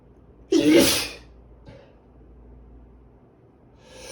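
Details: One loud, explosive sneeze in a quiet room, then silence and faint breathing, during repeated, uncontrollable sneezing fits by a man and a woman who think they might have allergies.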